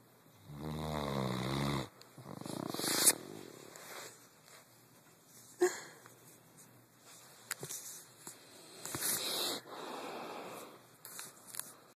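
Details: A sleeping pet dog snoring: a few rattling, fluttering snores with quiet pauses between them.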